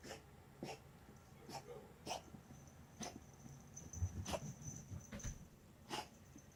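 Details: A dog gives a run of about nine short, sharp, dry hacking coughs over several seconds, with a faint steady high whine in the background.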